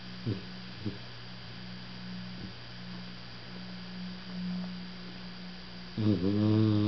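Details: Igor, a pit bull sitting on the owner's lap, asleep with low rumbling snoring breaths over a steady electrical hum.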